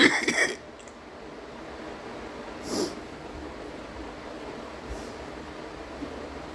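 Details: Female, hard coughing among repeated throat clearing: a loud, harsh cough burst opens, a second comes a few seconds later and a faint third follows, over quiet room noise; forceful coughing.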